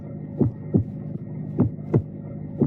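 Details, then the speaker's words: Teaching recording of normal heart sounds: regular paired lub-dub at about 50 beats a minute over a low hum; lub is AV valve closure in systole, dub is semilunar valve closure at diastole onset; normal S1 and S2. "basically lub sound is the closing of the AV valves as the ventricles contract during systole the dub sound is the closing of the semilunar valves during the start of diastole"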